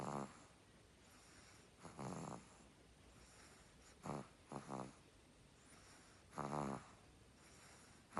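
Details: Puppy; short buzzing snores repeating every couple of seconds, some broken into a quick flutter, about 30 a minute; snoring.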